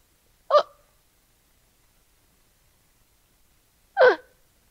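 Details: Simulated agonal breathing demonstrated in CPR training: two brief, abrupt hiccup-like gasps separated by silence, possible last breaths before death signalling cardiac arrest.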